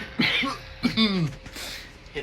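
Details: College student coughing after a heavy vape hit taken until the device blinked, reporting painful breathing and a collapsing leg: two harsh coughs in quick succession, then a strained groan.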